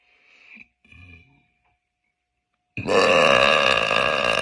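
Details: Girl burping: a couple of small throaty sounds, then one loud, long, resonant belch lasting almost two seconds.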